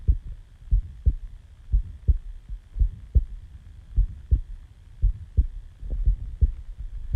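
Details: Normal resting heartbeat recorded just after waking from sleep: low paired thumps at roughly 57 beats per minute, slightly uneven spacing, faint steady hum behind.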